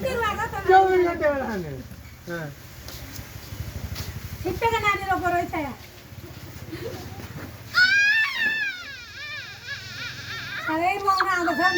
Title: A small baby making a crying noise